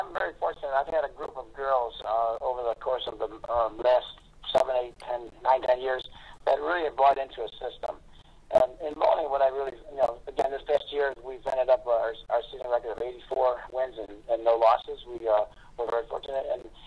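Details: Adult man over telephone; normal voice.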